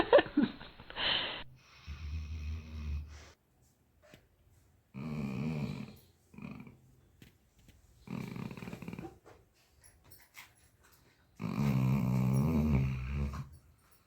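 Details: Labrador dog snoring while asleep.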